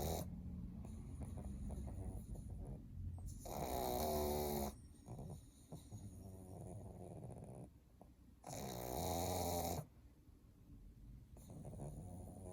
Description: How cute pug snoring while sleeping